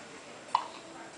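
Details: Newborn baby, 11 hours old, with hiccups while being soothed: a single short, sharp hiccup against quiet room noise.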